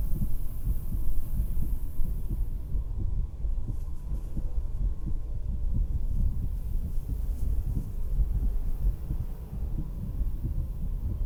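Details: Woman's own heartbeat by stethoscope while sitting on a beach-house porch: low, muffled thumps partly masked by steady wind and surf rumble.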